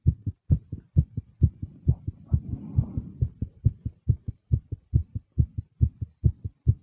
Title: fast female nervous heartbeat with breathing sounds